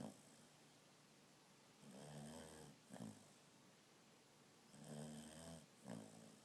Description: My dog's weird snoring